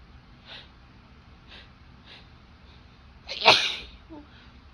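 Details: Woman, sick, sneezing in bed at night on Christmas Day: several quick inhaled breaths build up to one loud, forceful sneeze; a tickly sneezing fit.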